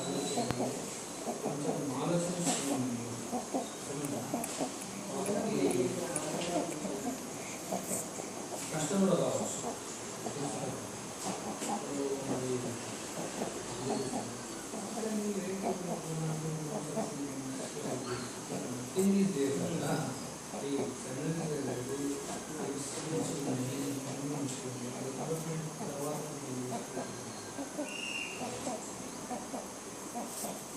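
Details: Infant with laryngomalacia breathing noisily: a harsh, squeaky sound on each breath in, which is inspiratory stridor.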